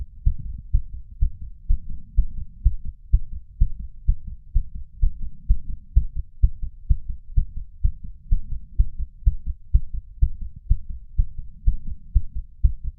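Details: 31-year-old man's racing heart after exercise, recorded with a lapel mic and small ceramic bowl; fast, regular, pounding beat slowing toward about 125–130 per minute; sinus tachycardia.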